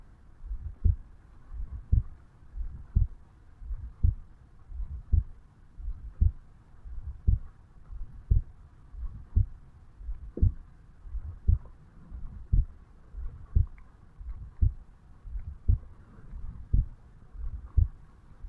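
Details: Normal heart sounds of a 35-year-old male, recorded at the mitral (bicuspid) valve area on waking in the morning: steady, regular beat about 58 per minute with a faint low background hum.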